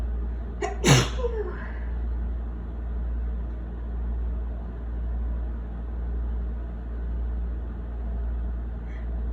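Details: One sharp wet sneeze after a short breathy intake, then quiet breathing over a low room or vehicle hum.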